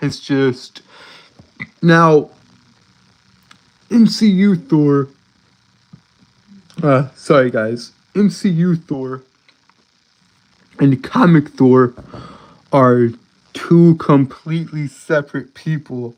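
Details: Adult man who reports a speech impediment and says he stutters a lot; real, spontaneous speech; stuttering.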